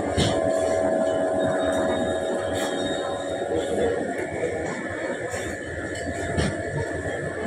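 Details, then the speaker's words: Automatic blood pressure monitor at a hospital inflating its arm cuff for a repeat measurement after a first reading of 134 (second reading 113): steady motor drone with faint clicks. "วัดความดันซ้ำอีกครั้งค่ะเพราะว่าอันแรกมัน134มันสูงค่ะต้องวัดสัก2ครั้งค่ะถึงจะมั่นใจว่าความดันตัวเองอ่ะเท่าไหร่เดี๋ยววัดอีกรอบนะคะชุบสอดมือเข้าไปแล้วก็กดรัวเท่าไหร่นะ"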